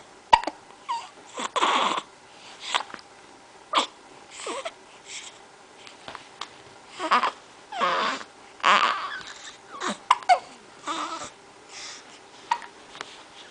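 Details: Infant, aged 1–2 months, with brief, sharp hiccups every few seconds, mixed with soft fussy noises and breathy bursts in a quiet room; infant hiccups.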